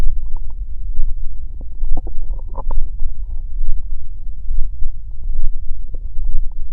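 Deep continuous rumbling and gurgling with bubbling pops, typical of stomach growling, a normal digestive sound.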